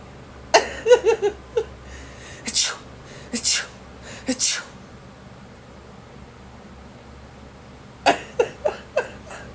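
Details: Several loud, sharp, likely deliberate human sneezes with short voiced sounds between them, made in front of a dog in a quiet room; sneezing.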